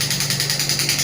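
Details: Biotronix pneumatic radial shockwave therapy (ESWT) device, 0.5–12 bar range, firing shots with frequency lowered: fast, even buzzing pulses with a hard mechanical edge.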